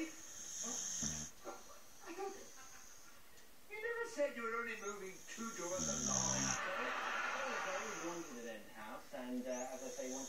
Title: boxer snoring